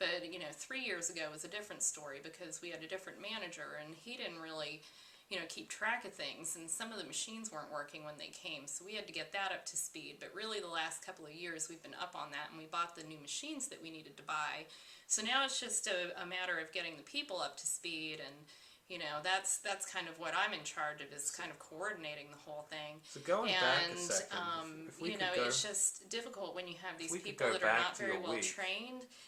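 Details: Acted demonstration of pressured speech, uncontrollable, accelerated, excessive talking that is hard to interrupt, as seen in anxiety and manic states of bipolar disorder.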